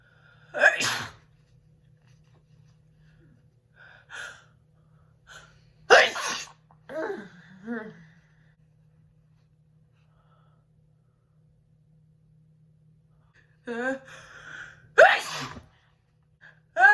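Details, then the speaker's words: Woman sneezing on request: three loud sneezes, each with a short inward gasp, then soft breaths in a quiet room; sneezing. "hmm i feel like you can see my double chin you guys haven't done these in a lot i know a while so like i'm having a lot of sneezes"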